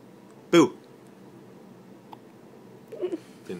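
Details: Newborn baby's first hiccups: a single short, sharp hiccup over a quiet room, then faint soft sounds.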